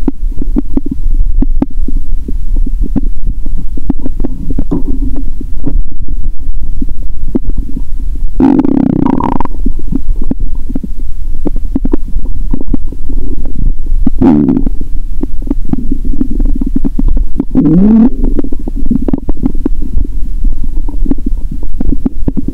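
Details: Stomach heard through her own stethoscope after fasting over 15 hours, then eating Mentos with cola: low continuous gurgling and bubbling with three louder rumbling surges; active bowel sounds.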